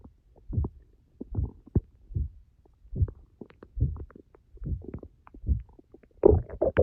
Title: My Stomach growling after starving for 10 hours 🥱😫